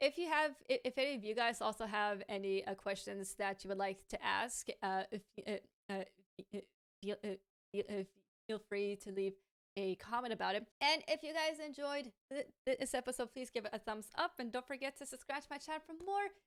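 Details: Adult woman with a lifelong stammer, a native English speaker who is fluent in Hebrew and now stammers more in Hebrew; she says it worsens with pressure, anxiety and being rushed; stuttering.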